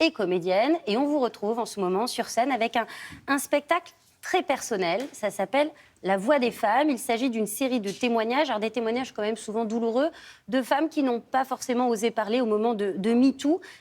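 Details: Adult speaker; normal voice.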